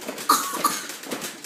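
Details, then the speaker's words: Deliberate fake cough from a young child (one of twins): two short, light, playful put-on cough sounds. "You're faking That's a fake cough pe that is a fake cough yeah"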